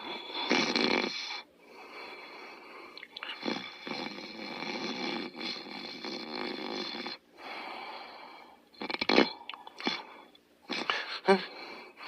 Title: Otto Sleeping & Snoring Part 2